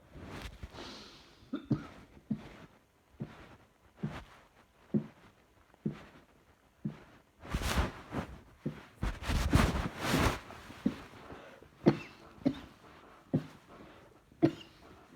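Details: Repeated short coughs with breathing between them and a harsher cluster midway, with throat and chest pain reported; an ongoing cough.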